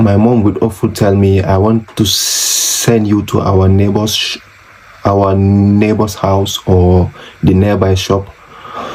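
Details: Adult man who has stammered since age six, very severe through junior and high school, still with trouble on p sounds; stuttering.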